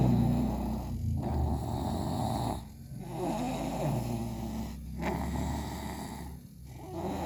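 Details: Snoring after breakfast: steady low, rumbling snoring with brief pauses between breaths, about 33 breaths a minute.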